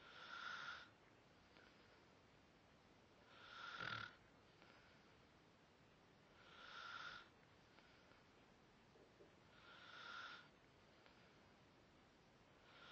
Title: random snoring?o.O